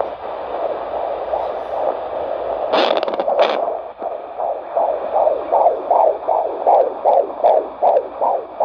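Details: Fetal heartbeat of a baby boy on Doppler at a 25-week prenatal check-up: fast, swishing pulses at about 150 a minute after brief handling noise, which the mother says sounds good.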